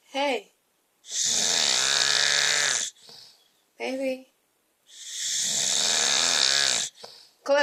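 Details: Husband's typical night: unusual harsh snoring, long loud hissing and whistling breaths with short vocal grunts between, in an odd sleeping position; slows when called and tummy rubbed, wakes when name said.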